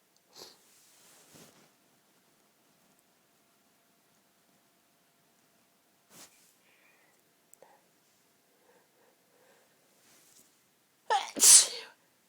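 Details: Quiet sniffs and small catches of breath build up to one loud, explosive sneeze at the end; part of an afternoon of repeated rapid, intense sneezing fits.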